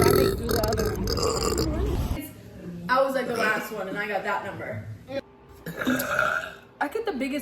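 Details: Several long, loud, rumbling burps with brief speech-like sounds between them, from a burp compilation; burping.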